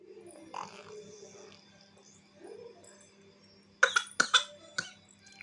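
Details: Baby girl coughing after a night motorbike ride: run of four short, sharp coughs after quiet fussing, with steady background hum.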